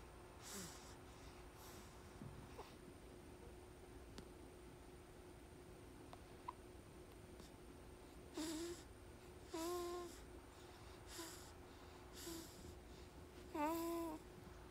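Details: Newborn with noisy nasal breathing: scattered soft nasal snorts and brief squeaky, whistling noises at irregular intervals against quiet room hum; snorting.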